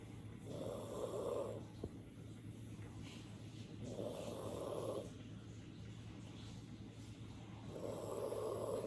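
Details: An old chocolate poodle snores with its eyes open, recording volume turned up: dog snoring.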